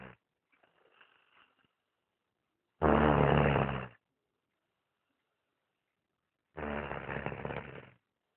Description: My 9 year old nephew sawing logs big time!